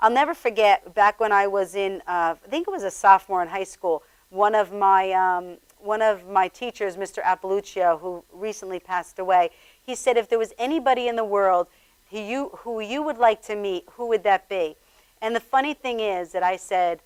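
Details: Adult speaker; normal speech.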